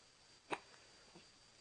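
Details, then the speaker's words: Baby girl aged 4 weeks 4 days hiccuping just after vomiting: a single short, sharp catch of breath followed by a faint second one in a quiet room; infant hiccups. "I just puked all over and now I have hiccups"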